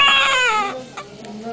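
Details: A strong, high, tonal wail that falls in pitch and fades, followed by quieter sounds: a newborn's first cry after birth.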